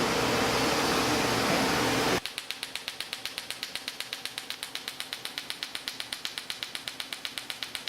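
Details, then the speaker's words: Erbium laser pulsing on a Sciton erbium laser during facial laser resurfacing of a 58-year-old woman under IV twilight sedation, after CO2 laser: after a burst of room noise, rapid regular sharp clicks at about four per second. "now going to use the side tire of a and this is my sculpting tools i sculpt away the remaining line"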